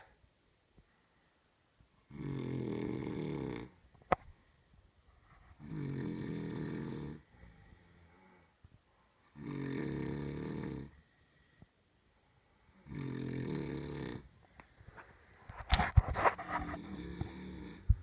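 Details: Loud, rattling snores recur about every three and a half seconds, roughly 17 breaths a minute, during sleep. Snoring.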